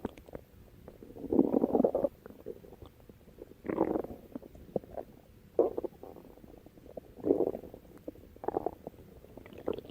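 Irregular low gurgles and rumbling bursts, about six over ten seconds, separated by quieter stretches with faint clicks: active bowel sounds, stomach growling.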